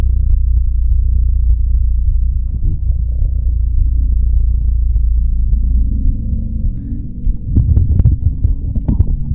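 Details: Steady low thumping heartbeat with a deep hum underneath and some rustling toward the end, recorded with breathing as an ASMR sleep track; normal heartbeat.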